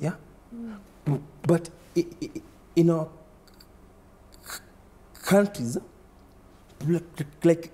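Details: Man under 30 who stammers, reporting repetition, blocks, prolongation and added syllables; stuttering.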